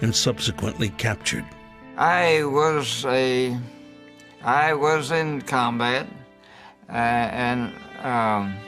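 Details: Older man, World War II veteran, with aphasia after a stroke, also had a heart attack; he describes the aphasia as permanent; aphasia.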